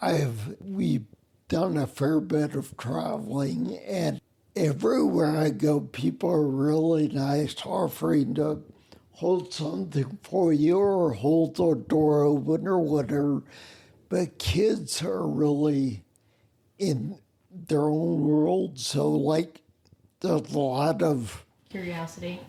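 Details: Adult man with spinocerebellar ataxia of unknown type; slurring began around 1999 (about age 39) with balance loss; uses a wheelchair; slurred speech sounding drunk, unclear on the phone; ataxic dysarthria.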